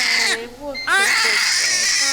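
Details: Loud, high-pitched crying in short bursts with a brief catch for breath from a newborn boy just after an unexpected birth under epidural; a normal, vigorous cry soon after birth.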